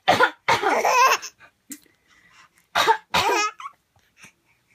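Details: Two short, harsh adult coughs, each followed by the bright, voiced laugh of an almost 6-month-old baby boy who finds the cough funny.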